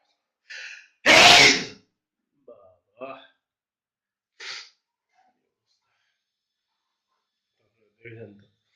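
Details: Sneezing, attributed to allergy: a sharp in-breath, then one loud explosive sneeze followed by a few smaller breathy sounds and sniffs.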